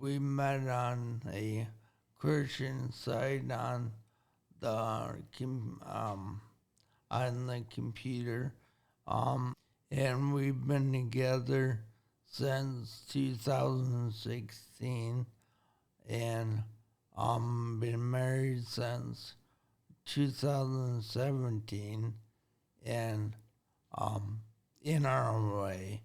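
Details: Adult man with brain injury from an accident, who reports his speech sounds slower and that he must take breaks while talking; slowed speech with frequent pauses after traumatic brain injury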